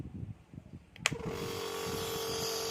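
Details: A switch click, then a steady mechanical hum with a constant tone: a Philips Respironics nebulizer compressor switched on and running, held upright, before medication is inhaled.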